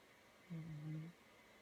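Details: Faint, soft low buzzing snore from an 11-month-old baby boy asleep in his room, over quiet room noise; snoring.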